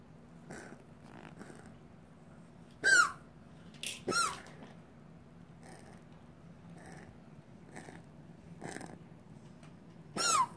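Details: A dog gives about four short, harsh, slightly squeaky cough bursts over ten seconds, with quiet room noise between: dog cough.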